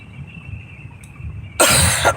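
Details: Someone with COVID-19 coughing during a car drive: dry cough.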